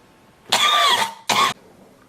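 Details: Two loud coughs from an adult: a longer, voiced, harsh first burst followed by a shorter second one, with quiet room noise around.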